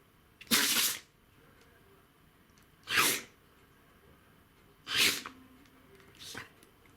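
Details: A run of four short, forceful sneezes from a dog about two seconds apart, the last softer; dog sneezing attack.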